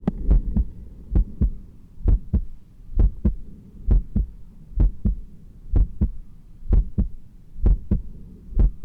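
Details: Strong, regular lub-dub heart sounds at about 65 beats a minute, recorded during close-grip and balancing push-ups, heart pumping hard though not fast; normal heart sounds.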